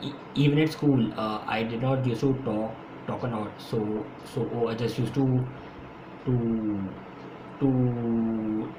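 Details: Stuttering in an adult man who has stammered since school and says he stammers more when speaking faster; his own speech, with repetitions.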